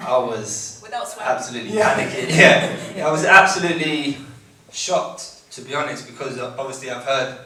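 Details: Adult living with a stammer, one of six people who underwent vocal training for a music project, speaking at a Q&A; stuttering (stammer).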